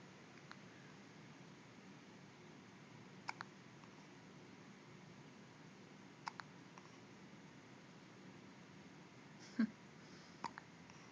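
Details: Faint, sharp little hiccup clicks about every three seconds against quiet room noise; hiccups.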